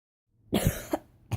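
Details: A single forceful cough burst, followed by a short second cough and the start of another.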